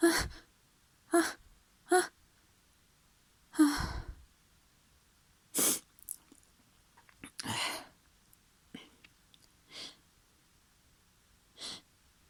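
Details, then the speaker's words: A run of short, messy sneezes, several stifled, with sniffles and soft breaths between them in a quiet room, after a tickly nose. "My nose is so tickly right now. Oh, I'm so messy. Oh. Oh. I think I need to sneeze again."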